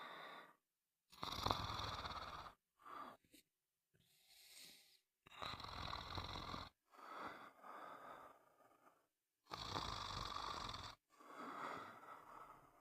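Loud, harsh snoring in repeated bursts with short silent gaps, some snorts and noisy exhalations; typical heavy snoring.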